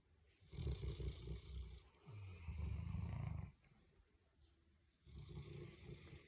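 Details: Large sleeping Boerboel mastiff dog snoring; deep, rumbling, fluttering snores over three long breaths with quiet pauses between. Loud sleep snoring.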